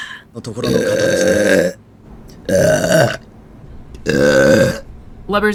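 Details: Three long, loud, voiced belches separated by short pauses, with groaning and apologies around them; burping.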